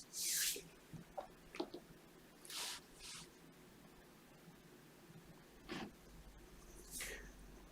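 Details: Fine-tip suction clearing fully occluding dead skin (keratin) and impacted earwax from a right ear canal with mild otitis externa (eczema): intermittent hissing, slurping suction bursts with quiet gaps.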